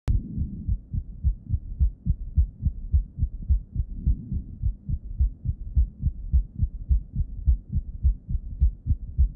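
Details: Heart failure with reduced ejection fraction, bell of the stethoscope at the apex: regular heart sounds at about 105 per minute with a soft low extra sound late in diastole, just before S1; S4 gallop.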